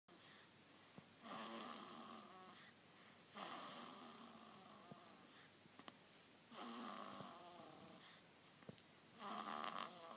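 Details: Sleeping baby snoring: repeated rattling, vibrating breaths on each inhalation, about four snores across ten seconds.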